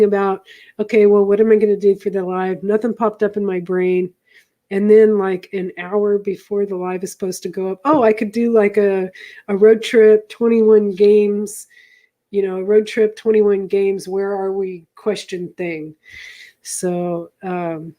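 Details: Adult speaker, likely female; ordinary speech.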